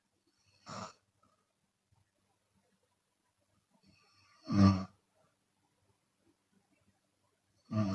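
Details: Rough, fluttering open-mouth snores from a sleeping Chinese woman, about 19 a minute, with long quiet gaps between; exhale snoring occurs sometimes.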